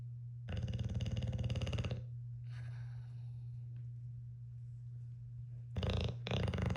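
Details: Sleeping snorer who keeps the recorder awake: low, rough, rattling snores, one long then two shorter, over a steady low hum.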